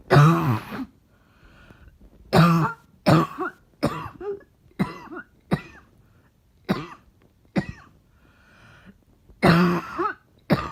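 A run of about ten harsh, loose coughs, some deep and barking, others shorter and chesty, in a quiet room.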